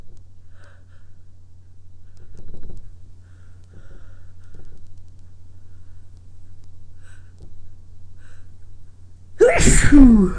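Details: Quiet room with soft sniffs, then one loud, explosive sneeze, deliberately induced by lemon balm placed in the nose, which stings; sneeze.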